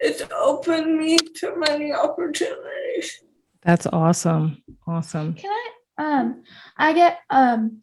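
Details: Dysarthria in a 28-year-old woman with cerebral palsy, who has speech issues that her fiancé, also with cerebral palsy, does not have.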